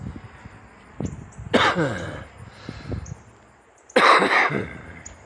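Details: Two harsh, loud cough bursts from an adult smoker, with quieter throaty sounds between them.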